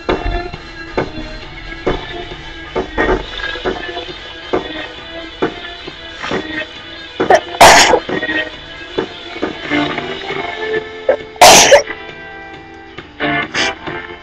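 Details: Person singing a cover song: two sharp, explosive sneezes interrupt the singing over background music.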